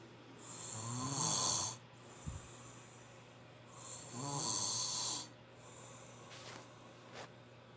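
Loud, rasping snores with a hissy airy quality, about 17 a minute, over a low steady hum. Sleep snoring.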